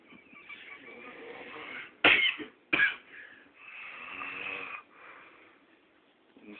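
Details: Raspy snoring breaths broken by two sharp snorting bursts, followed by further rough inhalations; snoring.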